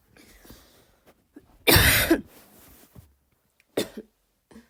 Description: this is one of my first barking coughs, i tried my best but for some reason my lungs just can't seem to to be able to make that bark